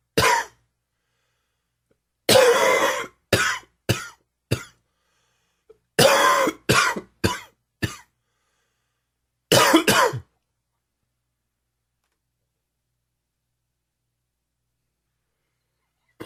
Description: Crazy humid weather and too much smoking has the coughing kicked up.